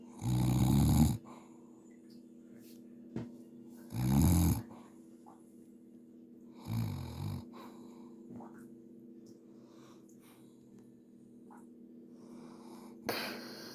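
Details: Adult man (uncle) snoring on New Year; loud low rattling inspiratory snores, about four over fourteen seconds, with a steady background hum.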